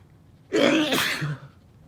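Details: Sneezing fit with nose blowing: a single forceful sneeze, a sharp inward breath then an explosive noisy burst through nose and mouth.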